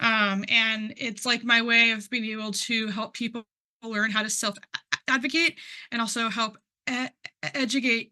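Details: Man who identifies as a person who stutters, speaking at a stuttering conference; word and part-word repetitions are audible; stuttering.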